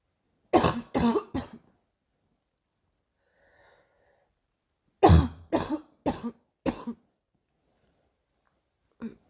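Two quick runs of coughing, three coughs then four, and one more at the end, about eight coughs in all: a repeated cough.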